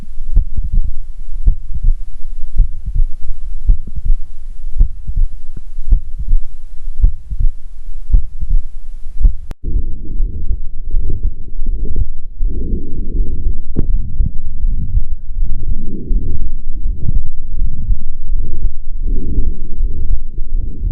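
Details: Heart sounds recorded with a Stethophone digital device: regular low heart sounds with a rushing, whooshing systolic murmur after each beat, a marker of various cardiac pathologies.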